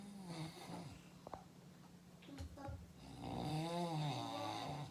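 Low, rattling snores during sleep breathing, with quieter breaths between them. Snoring.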